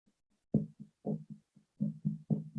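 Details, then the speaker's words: Finger percussion over the chest during a blunt chest trauma teaching session: a steady run of low, hollow tapping thuds, about four per second, giving a resonant note of a full, expanding lung. "That is percussion. That's resonant. I know my lung is full and expanding."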